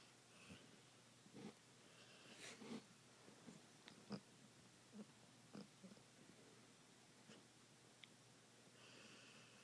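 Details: Sleeping pit bull puppy snoring: quiet, irregular snorting snores spaced a few seconds apart.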